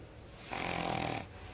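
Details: Man, a newspaper editor-in-chief, snoring after dozing off during a live TV interview from Khartoum: a single rough, rattling snore on one breath against faint room noise.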